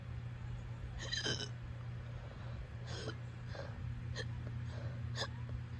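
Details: Uncontrollable hiccups at 5 a.m.: repeated abrupt hiccup catches, about five in six seconds, coming steadily over a constant low hum.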